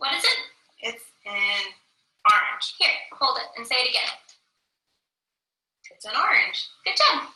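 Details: Person with transcortical sensory aphasia, unable to understand spoken language and repeating back what is said; recording may mix caregiver's and patient's voices; echolalia in transcortical sensory aphasia.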